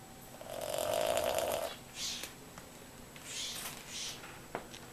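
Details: Snoring so loudly it can be heard on another floor of the house: a drawn-out, whistling nasal snore on one breath, then softer breathing noises in a quiet room.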